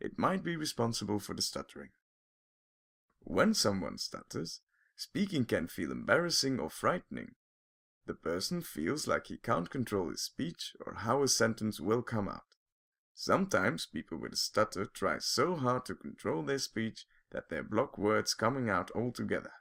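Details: Adult narrator; typical fluent speech.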